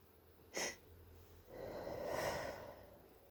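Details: Person with suspected hay fever plus early cold (sore throat, blocked stuffy nose): a sharp nasal snort, then a longer wet, noisy rush of air through the congested nose, as in a nose blow.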